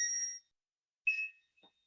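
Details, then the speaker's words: Two short high electronic beeps signalling the operator to stop during atherectomy, met with lesion resistance, in multivessel PCI in a 51-year-old man with radiation-induced coronary artery disease and non-STEMI. "here we have some resistance extra sister leaves when you hear the beep that's when you should stop"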